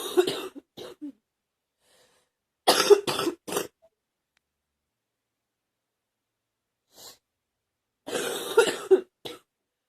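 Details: Girl coughing: several clusters of short, sharp coughs separated by silent pauses, in a quiet room.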